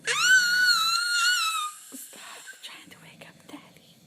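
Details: Baby's short ordinary cry while father snores nearby: one high-pitched sustained infant wail followed by soft fussing and breathy sounds.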